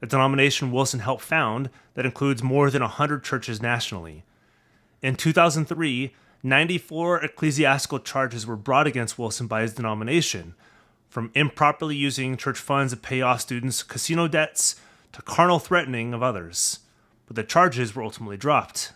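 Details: Adult male narrator; normal speech.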